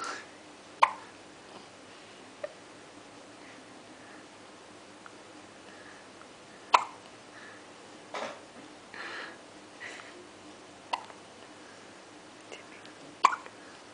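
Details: Hiccups in a 3-day-old newborn: about six sharp, brief hiccups over fourteen seconds, irregularly spaced, with faint soft breathing and small noises between.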